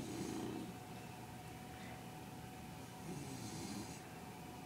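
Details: Bulldog and grown man taking turns snoring while asleep: two soft, rough snoring breaths a few seconds apart over a steady background hum; snoring.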